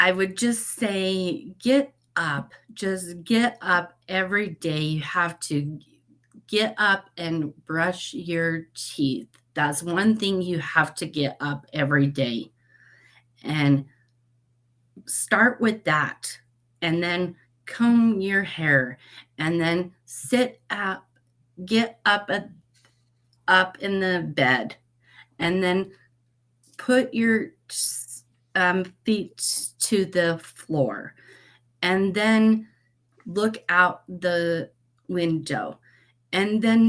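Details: Aphasia after a stroke at age 38 in a woman; when first met she was barely understandable.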